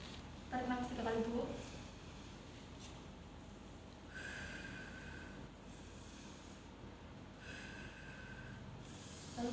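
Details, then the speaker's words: Role-played deep breathing and effective cough exercise by a nursing student with a seated adult woman: slow, deep audible breaths in and out; room noise; deep breathing exercise. "Sebelumnya Ibu nanti nafas 3 kali. Nanti yang ketiga kalinya Ibu batukan ya."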